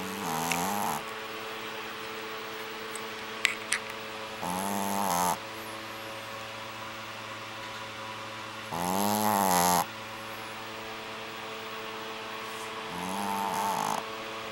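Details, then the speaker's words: Four long, rumbling, buzzing snores spaced a few seconds apart over a steady background hum; called too loud. Snoring. "Trixie, you're too loud."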